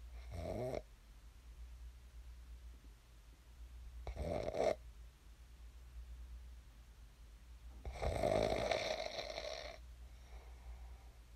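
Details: Rough, rattling snores about four seconds apart over low room hum, from a person in ordinary sleep recorded for a snoring ASMR clip; the snorer slept and then woke up; snoring.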